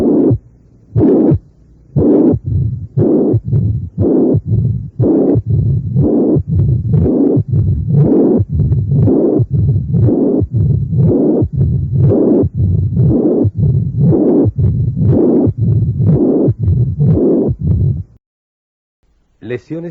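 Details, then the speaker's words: Simulated reconstruction at the apex of mitral stenosis with regurgitation, about 59 a minute: a systolic murmur followed by the diastolic murmurs filling the cycle; combined mitral stenosis and regurgitation. "reconstruir para ustedes este complejo auscultatorio primero el soplo sistólico y después los soplos [Música]"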